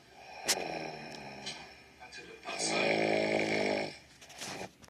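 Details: Mother snoring in sleep: two loud, buzzing, rattling snores on breathing in, with soft breath noise between; typical snoring.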